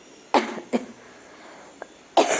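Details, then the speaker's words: An adult woman gives three short, harsh coughs from an irritated, tickly throat; she has had the cough for about a week. "हाय दोस्तों, तबीयत नहीं सही है। खांसी आ रहा है इसके लिए वीडियो नहीं बना रही हूं।"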